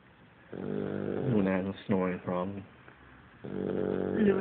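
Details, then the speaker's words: Boxer dog snoring while asleep: loud, rough, rumbling snores with short pulsed bursts and longer drawn-out breaths between them. "this is L he won't even hear you do a snoring that's how loud she"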